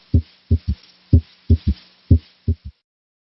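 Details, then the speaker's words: Slow regular heartbeat with a soft, low extra thud just after the second sound: a third heart sound (S3 gallop) heard with the stethoscope bell, which disappears when the bell is pressed firmly on the chest. "If the patient had an audible S3, it would sound like this. Now, notice how the third heart sound disappears when the bell is placed more firmly on the chest wall."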